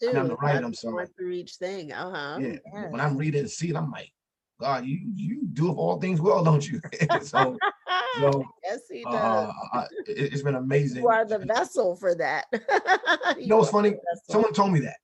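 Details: Adult man, an author and motivational speaker, who says he stutters and that others can hear it; heard in conversational podcast speech. Stuttering.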